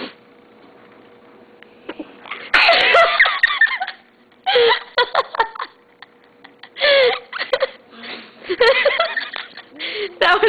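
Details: A young girl trying to make herself sneeze: several sudden, forceful bursts of breath and voice with giggly sounds between them, sneezes or sneeze attempts.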